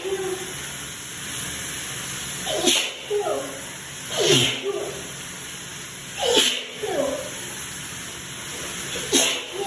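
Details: Person recorded in the shower who suspects a sensitivity to newly bought soap and began sneezing right after using it: four sneezes in under ten seconds, each a sharp inhaled catch then an explosive burst.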